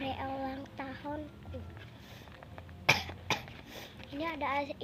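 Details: Child speaking quietly, voice weak from a cough illness, interrupted by two short coughs.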